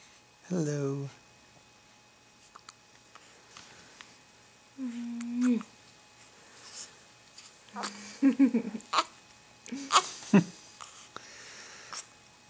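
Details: 2-week-old baby girl, awake, in a quiet room with several brief, high, squeaky "mousey" catches heard as repeated hiccups.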